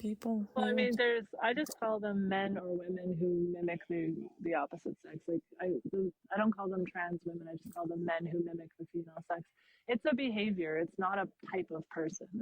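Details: Adult speaker; normal conversational speech.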